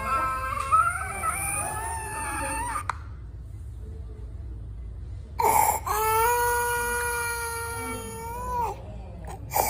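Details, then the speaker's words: Child's laryngeal stridor: high-pitched, harsh musical breathing from a narrowed upper airway, part of the laryngeal syndrome along with hoarseness. "Nếu có chỉ định tiếp theo chúng tôi xin được tiếp cận tiếng thở rít thanh quản vùng cái thở ngáy thuộc vùng hấp trên thì thuộc cái chuyên khoa Tai Mũi Họng nhiều hơn nên chúng tôi xin không được sâu lắm về phần thở dít thanh quản"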